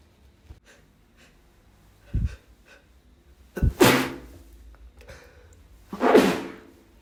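Quiet breathing with small catches, then two muffled, held-back sneezes, each a short hissing burst through a closed mouth.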